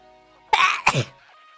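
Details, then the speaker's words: A female streamer's sudden sneeze that she says she could not hold back, after which viewers ask her to try a cuter sneeze. "Lo siento, realmente quería estornudar y no pude aguantarme"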